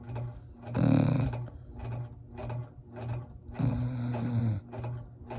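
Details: Sleeping dog snoring: fast, rumbling, rattly breaths following closely one after another, with a few louder grating snores.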